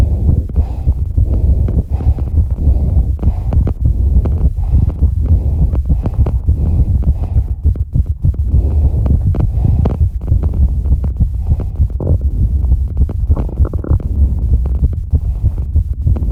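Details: Tachycardia of about 200 BPM during recovery after exercise: very fast, low thumping heartbeat with heavy breathing noise.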